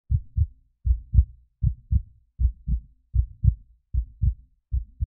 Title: Heartbeat Test